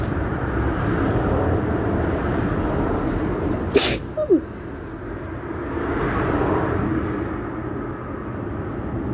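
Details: Woman with tree-pollen allergy, sneezing for about a week, stifling sneezes at a bus stop: one quick sneeze and a smaller stifled one over steady traffic noise; allergy sneezing.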